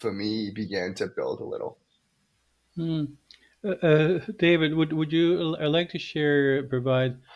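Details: Young adult male medical student who has stuttered most of his life, with blocks, especially on his name, and sound repetitions; stuttering.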